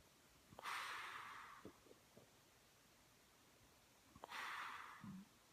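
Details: Two loud, harsh snorting breaths about four seconds apart, with faint room noise between; recorded March 2015. Snorting.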